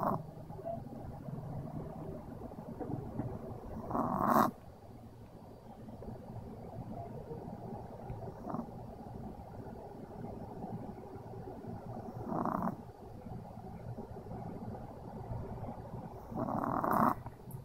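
Quiet steady breathing with a soft snore every four seconds or so, about fifteen breaths a minute; a sleeping dog's gentle snoring.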